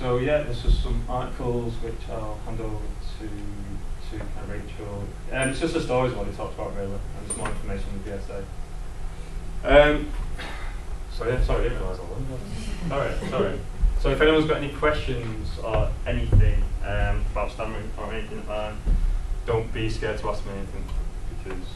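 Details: Adult male presenter who lives with a stammer; stuttering.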